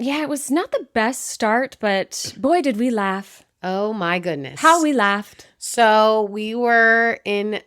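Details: Adult woman speaking; healthy voice.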